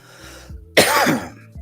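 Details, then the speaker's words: A single harsh cough from an adult, a lingering cough after a cold that may last a while longer; post-viral cough. "yeah so as you can hear the lingering cough um and it may last for a while longer who knows cuz I know some people have gotten this cold and they've had a cough for a month afterwards"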